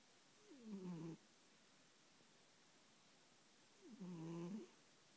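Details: Two quiet, low, snoring-like snorts from an awake, contented cat who makes this noise when feeling smug; she is not asleep. Snoring-like snort in an awake cat.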